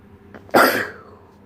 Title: 5 sneezes in 38 seconds